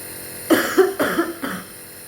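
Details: Adult woman with a cold and cough with hard-to-clear sputum, lungs clear without crackles but harsh breathing, coughs four short harsh bursts in quick succession while inhaling from a nebulizer; faint room hum.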